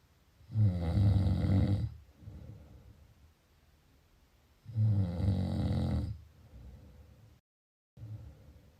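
Two loud, low, rattling snores on breathing in, each about a second long, with quieter breaths out between; typical snoring.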